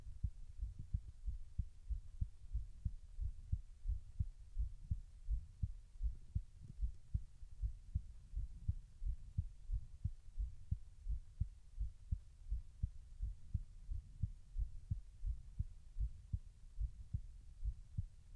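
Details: Heartbeat recorded while the person tries to slow their heart rate: steady soft beat at roughly 85 beats a minute with a little background hum.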